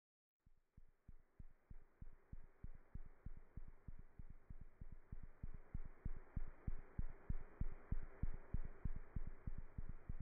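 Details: Cat heart sounds through a stethoscope: fast, very regular heart thumps at about 190 a minute over a steady hiss, a normal cat heartbeat.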